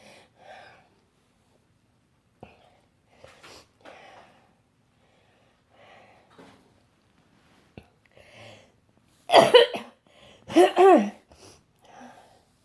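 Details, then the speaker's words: Person with cystic fibrosis just home from hospital, still on at least two more weeks of antibiotics: quiet breathing, then two loud, harsh coughing bursts. "I just want to let you guys know that I'm home and show you what nasty old CF cough looks like"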